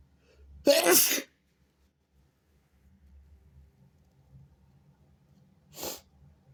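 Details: One loud, sharp sneeze, followed by quiet room noise and a brief softer burst of breath; sneeze.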